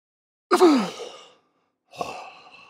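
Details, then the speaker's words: Two isolated, noisy gasping breaths with long gaps between them. This is agonal breathing, not snoring; in an unresponsive person it needs medical attention right away. "This is not snoring. It's something much different known as agonal breathing. If you see someone breathing like this and they're unresponsive, it means they need medical attention right away."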